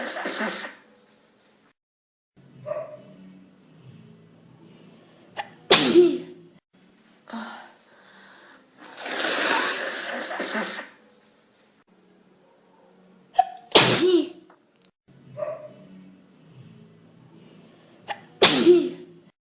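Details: Person with hay fever and a cold: several forceful sneezes in quick succession, each preceded by a short inhaled buildup, with sniffing between.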